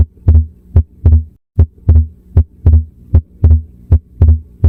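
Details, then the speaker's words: At the pulmonic area, regular heartbeat near 77 a minute with S2 split that stays constant through inspiration and expiration: persistent split S2, often from right bundle branch block. "S2 is split, but unlike the normal respiratory variation, this split stays constant during inspiration and expiration."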